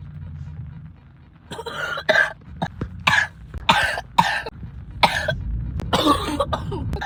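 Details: Cough.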